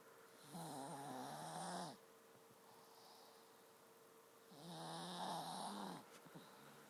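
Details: Casper, a 7-year-old pet, snoring while asleep with tongue sticking out; two drawn-out buzzing snoring breaths a few seconds apart over steady background hum.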